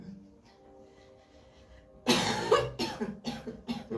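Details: A coughing bout of about four harsh, forceful coughs over faint music during a "fire massage" energy practice, where the practitioner claims blocks leave the body through coughing.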